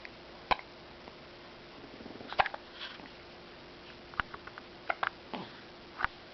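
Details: Hiccups: soft, brief, sharp catches repeating irregularly, about five in six seconds, over room noise.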